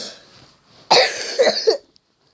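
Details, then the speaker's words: Person who says they have been coughing a lot and can't stop gives a sudden harsh burst of coughing followed by two or three shorter coughs. "Sorry guys, oh god. I've been coughing loads, literally loads. If you think you've noticed weird pauses in the video, because I've been coughing a lot, okay?"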